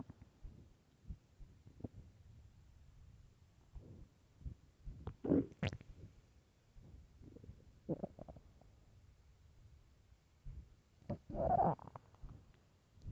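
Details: Stomach growling from hunger: irregular gurgles and low rumbling growls in a quiet room; ordinary hunger bowel sounds (borborygmi).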